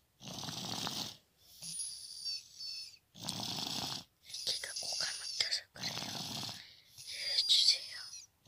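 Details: Soft, airy, rhythmic breathing with a slight snore on each breath from a baby girl (third daughter) during a nap; infant snoring.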